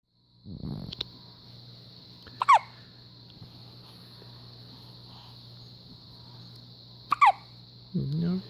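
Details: Two short, sharp hiccups about five seconds apart over a steady room hum.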